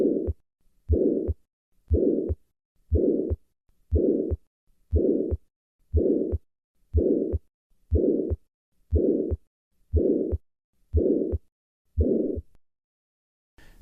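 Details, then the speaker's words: Small restrictive ventricular septal defect: loud harsh holosystolic murmur filling all of systole between heart sounds, about 59 beats a minute. "Patients with a ventricular septile defect tend to be diagnosed early in life. This is because small ventricular septile defects produce a loud murmur and large ventricular septile defects precipitate heart failure at a young age."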